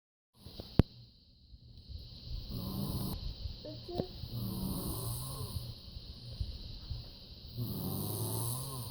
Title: Snoring!